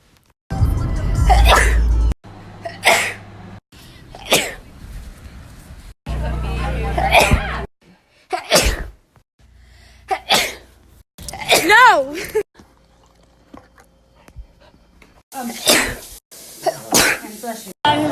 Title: 2k19 sneezes